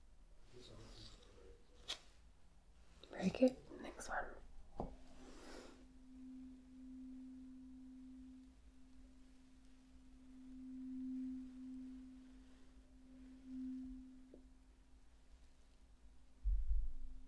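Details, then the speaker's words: Simulated ASMR cranial nerve hearing test; soft taps and handling, then the steady low hum of a struck tuning fork slowly fading; hearing judged fine. "we have a tuning fork I'm going to sound it three times and you are going to tell me um when you can no longer hear it"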